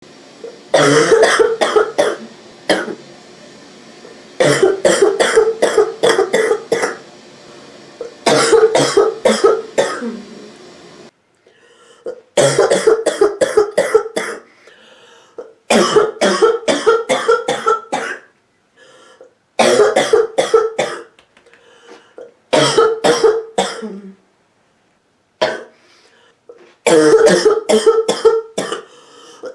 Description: sick woman deeply barks and hacks constantly